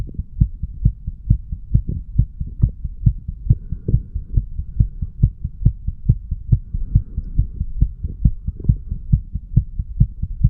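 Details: Heart sounds of a 35-year-old man recorded at the mitral (bicuspid) valve area while sick: regular low heartbeats, fast at about 136 per minute, with a faint background hum.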